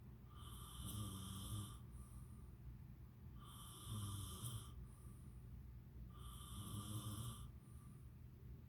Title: "Snore Festival"